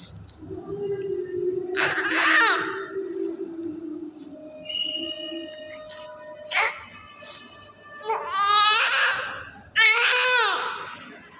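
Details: Newborn baby's several loud, strong, aggressive cry bursts at birth, with music playing over them.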